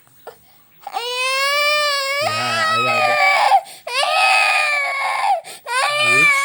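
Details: Sick baby with fever, cough and runny nose crying in long, loud wails with brief catches of breath between them; infant cry.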